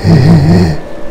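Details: Patient saying "he" during pre-surgical videostroboscopy, with the right vocal fold paralyzed after a skull-base chondrosarcoma compressed its nerve, treated with radiation and tumor surgery; clinician remarks the patient is not getting close; unilateral vocal fold paralysis voice.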